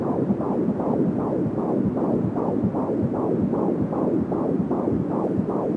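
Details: Fetal heartbeat at 15 weeks of pregnancy, heard for the first time on an Angel Sound home fetal Doppler: rapid, regular pulses at about 170 beats a minute, with whooshing from the umbilical cord.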